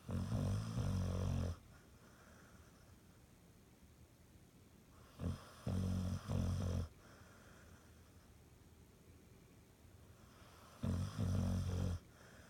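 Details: Sleeping dog snoring: deep, rumbling snores, several with a stuttering flutter, at about 11 breaths a minute with quiet pauses between.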